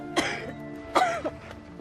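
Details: Actress in a drama scene portraying a feverish character who pushed herself too hard; acted, simulated cough.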